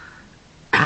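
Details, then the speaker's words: Person on day 2 after a tongue piercing, with a swollen, painful tongue, a really bad cough and sore throat: one sudden harsh burst of productive cough and throat clearing, phlegm stuck at the back of the throat. "as you can hear so i'm coughing up lots of really disgusting new kissy stuff because it keeps getting stuck at the back of my throat i can't clear it because my tongue doesn't want to move"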